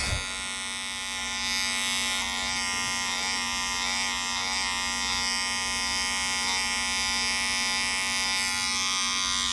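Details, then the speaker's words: Continuous high buzzing of electric clippers in a small room, shaving a very small spot on the medial aspect of a dog's hind leg to prepare for medial saphenous blood collection: electric clipper buzz. "So I'm just going to shave a very small spot."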